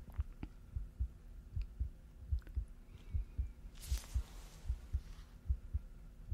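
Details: Simulated hospital role-play chest exam through a stethoscope during deep breathing: steady low heartbeat about 75 a minute with faint breath sound; chest sounds clear, normal heart sounds.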